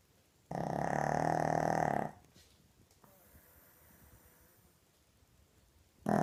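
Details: Pug dog snoring loudly.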